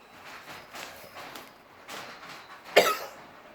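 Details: Single short, sharp dry cough after quiet rustling, from a person with a persistent cough ("cough after cough") taking only water.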